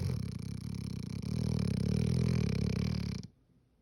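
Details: Deep, rumbling, fluttering snore lasting about three seconds from a hound dog asleep on the couch, snoring heavily.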